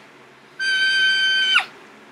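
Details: Vocal tic of Tourette syndrome, imitated by an adult woman: a screechy tic she had at about age 12, before her diagnosis.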